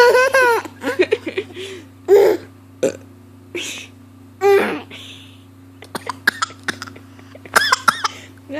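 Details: Burping contest that began with one person's burp, the other laughing and trying too: several loud, drawn-out deliberate belches mixed with laughter and chatter.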